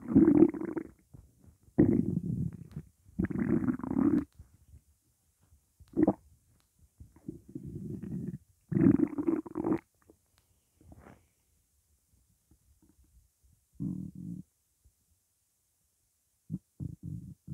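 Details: Low gurgling rumbles in irregular bursts with quiet gaps, stomach growling from hunger on an empty stomach; borborygmi.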